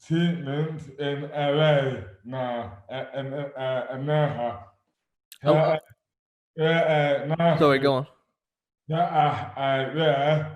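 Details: Adult man with dystonia causing dysarthria (oromandibular dystonia); speech became slurred suddenly overnight in May 2008 without known cause, about 12 years before this 2020 recording; speech is severely impaired and his hands are also affected.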